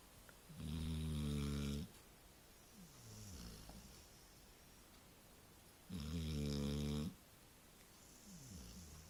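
Two loud, low rattling inhaled snores with softer exhaled breaths between them, in a quiet room. Typical snoring of a sleeping dog.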